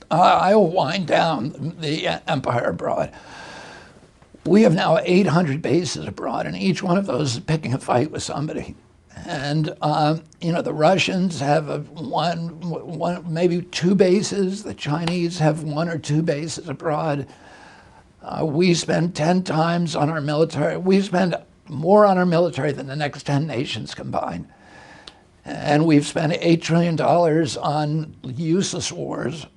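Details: Adult male with spasmodic dysphonia, onset in 1996 at age 42 after a neurological injury; he attributes it to his brain sending wrong signals to his vocal cords, and says his voice was very strong before onset.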